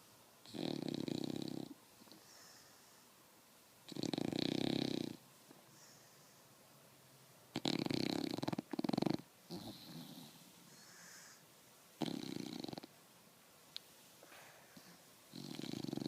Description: English bulldog pup snoring the day away.